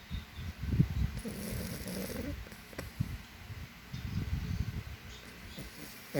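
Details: Sleeping French Bulldog snoring loudly, likened to a human: low, rattling snores with snorting breaths over a few breath cycles.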